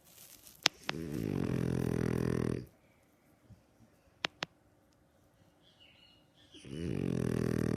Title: Snoring Beauty